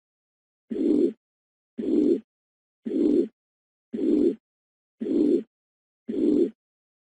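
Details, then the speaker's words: Holosystolic murmur of mitral regurgitation from a nursing lecture: regular heartbeat about 56 a minute, each beat a steady, uniform, even-loudness blowing murmur filling systole between S1 and S2. "مرمر اللي هو يكون على نسق واحد غير متغير متغير متغير"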